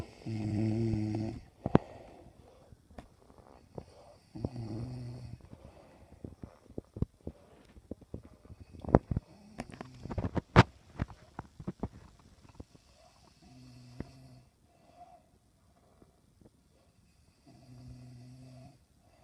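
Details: Four low, buzzing snores over about twenty seconds from a sleeping person, with soft clicks between.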